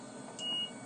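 One short, steady high-pitched beep of about a quarter second from a portable ventilator alarm.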